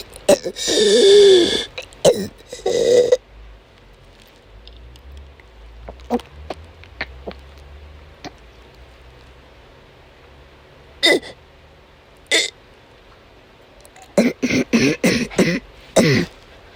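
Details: Adult woman with chronic migraine during an asthma attack: repeated harsh cough bursts and a strained, voiced retching heave separated by quiet pauses; she could not stop coughing and vomited many times that day.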